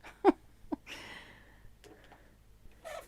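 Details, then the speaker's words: A pet the owner says has bad seasonal allergies sneezes repeatedly during allergy season: sneezing. "tinkerbell just sneezed poor thing oh she's got the worst allergies bless you tinkerbell"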